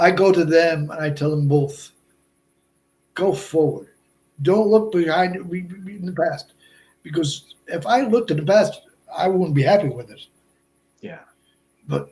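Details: Adult man with Broca's aphasia for more than 8 years after a stroke in March 2011; he is also a heart transplant recipient. Speech is effortful, with short ungrammatical utterances, laborious word-finding and more difficulty with verbs than nouns.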